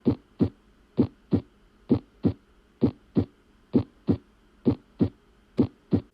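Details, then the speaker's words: Normal heart sounds, S1 (AV valve closure, systole) and S2 (semilunar valve closure, diastole), heard by stethoscope in a teaching example. "S1 this is the lub of the lub dub that you normally hear with a heart rate at this point the AV valves close and the ventricles contract this is systole"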